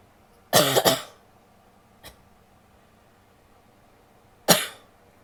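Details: Adult woman coughing in a quick burst of two or three, then once more; harsh, partly barky, partly wet cough.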